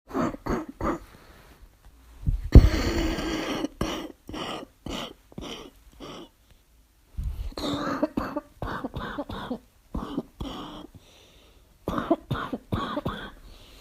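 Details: Repeated bouts of harsh, barking coughs in quick succession, labelled an asthma cough: barking cough.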